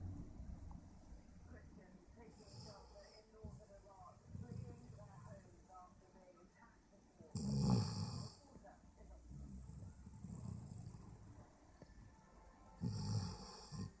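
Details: Dog snoring while asleep with its mouth open: soft, rough snoring breaths with two louder snorts, faint room noise.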